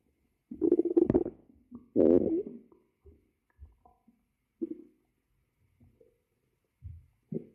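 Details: Hungry stomach growling, ASMR recording: several irregular low gurgling and growling bursts in a quiet room.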